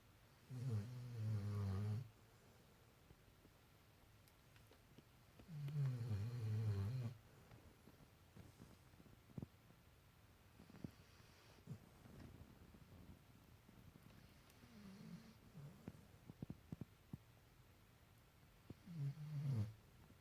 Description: My puppy snorring when she sleep.Funny